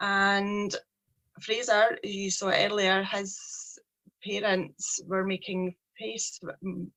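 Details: Stuttering (stammering) in a 43-year-old woman, a speech problem present since age three, with her speech journey beginning in 2018; a person who stammers.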